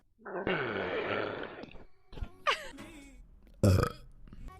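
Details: Girl burping, from a compilation clip: one long, low, rumbling belch followed by a few short throaty sounds.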